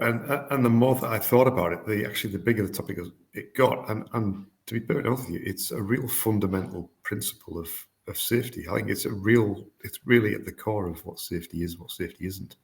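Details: Adult man speaking; normal voice.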